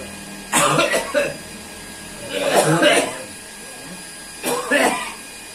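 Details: Adult man with a persistent cough that won't heal, recorded during alternative "thunder finger" pressure-massage therapy: three rough cough bouts, each of two or three harsh bursts, over a steady background hum; chronic cough.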